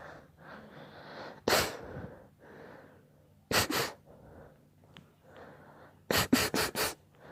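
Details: Run of seven sharp sneezes with noisy breathing between them: one single, then a pair, then four in quick succession.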